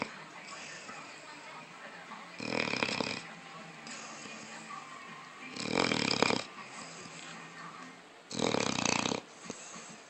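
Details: Snoring: three loud, rough, rasping snores about three seconds apart, with quieter breathing between them over faint background noise.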